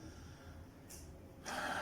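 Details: Man with two months of back pain, unable to walk even a metre, receiving a chiropractic spinal adjustment: two brief, sharp breathy inhalations against quiet room noise, a gasp, likely in reaction to the adjustment.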